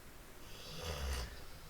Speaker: I'm sorry if you can hear a snoring she's being quite loud